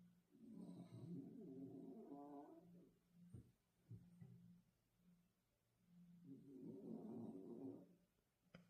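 Two long rumbling, fluttering breath sounds with a steady low hum between them, typical of a sleeping cat's snoring.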